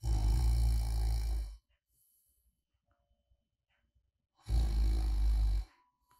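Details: Recorded snoring sound (ASMR white noise) of a person sleeping soundly, made because the sleeper was too quiet while using an oral snoring/sleep apnea appliance; two loud, deep, rattling snores about three seconds apart.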